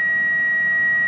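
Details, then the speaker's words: Steady, unbroken high tone from a Philips HeartStart monitor charged to 3 joules in a training demonstration, signalling it is charged and ready to shock or disarm; defibrillator charged alert. "I'm gonna charge I'm going up to whatever I charged to so now I only charge the three jewels"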